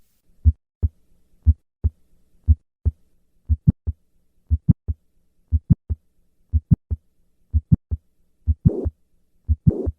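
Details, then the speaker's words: Mitral valve prolapse: regular heartbeat near 60 a minute with a sharp mid-systolic click after the first sound and a short late systolic murmur; the click-murmur complex moves later with squatting. "the click murmur complex moves later with a squat maneuver listen once again to a patient with mitral valve prolapse"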